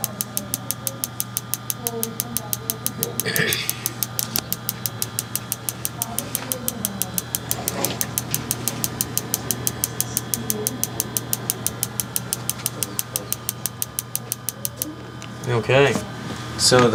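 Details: Focused shockwave therapy with rapid, evenly spaced clicking pulses, several per second, near the end of treatment, with faint voices and room noise.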